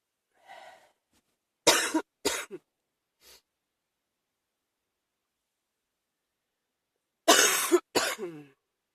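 Two groups of loud, harsh coughs with a short breath between, five bursts in all; cough from a chest cold.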